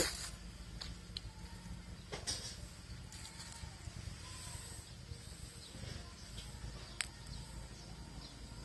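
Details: A cat gives a couple of quick, soft sneezes over a steady low room hum: cat sneezing.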